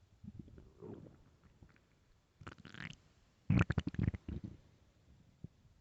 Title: hungry stomach growling and crying for food (starving) LOUD